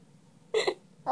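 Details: A child's sudden, sharp, voiced catch breaks a quiet room, and a second one begins at the very end; ordinary hiccups, recorded August 2013.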